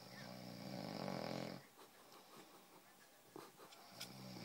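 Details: Snoring during sleep: one long, rumbling snore followed by quieter snuffling breaths, with faint room noise.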